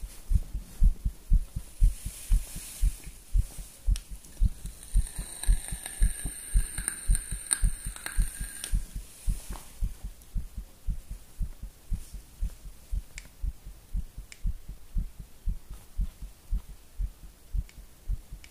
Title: STRONG HEARTBEAT WITH COFFEE AND NICOTINE